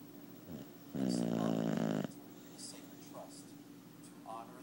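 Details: Snoring from a rescued 2-year-old Boxer dog under treatment for heartworms: one loud, rough, fluttering snore lasting about a second, with faint soft squeaks in a quiet room.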